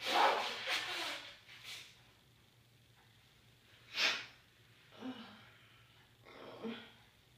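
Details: Person with a cold, after a long ticklish pre-sneeze build-up: two sudden, hissing, stifled sneeze bursts with sniffing and short voiced sounds between them; ticking cloth and room echo present; sneezing.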